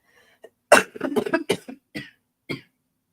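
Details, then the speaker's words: An adult recovering from an illness, who has just taken Buckley's cough medicine, gives a short series of dry, hacking coughs and throat clears in about five to six bursts. "Apologies for this cough, by the way, to everybody. I just took Buckley's."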